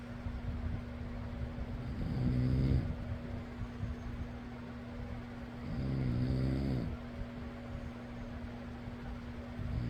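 Slow, rumbling snores about every four seconds over a steady fan hum, typical of an adult snoring in sleep.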